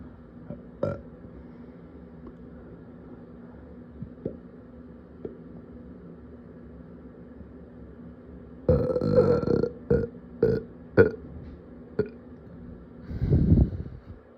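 Low gurgling belches, a few short burps and then one longer drawn-out belch, over a steady room hum.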